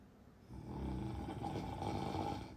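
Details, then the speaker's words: Husband snoring in sleep so deeply he won't wake while his wife talks nearby. A long, loud, rattling inbreath snore rising over about two seconds; ordinary snoring. "is snoring I'm about to smother him it's making me crazy I can literally talk to you like this and he won't wake up yeah"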